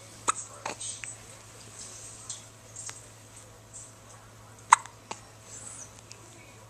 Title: Hiccups and some cute noises